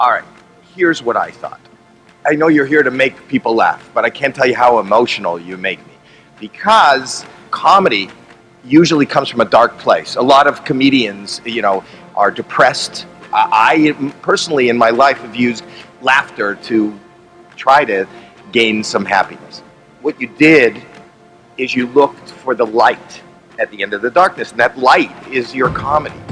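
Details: Adult man speaking; normal speech.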